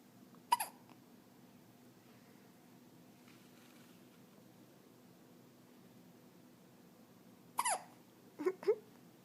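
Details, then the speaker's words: Hiccups in a 14-day-old baby girl: a few brief, sharp hiccup sounds separated by quiet pauses in a still room. "You got the hiccups? Oh no. Oh, it's a big one."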